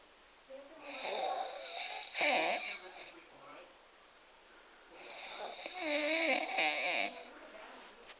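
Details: Man jokingly described as snoring like a pig: two long, loud, whistling, rumbling breaths about five seconds apart; harsh, wavering snoring.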